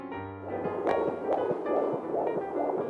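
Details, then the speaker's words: Fetal heartbeat on pregnancy ultrasound, early pregnancy with two gestational sacs but one baby seen: rapid whooshing pulses about 140 a minute with music playing over them. "do you want to hear your baby's heartbeat"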